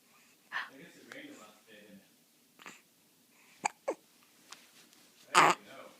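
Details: Hiccups in a two-month-old baby girl: quiet coos broken by several short, abrupt catches of breath, then one louder burst.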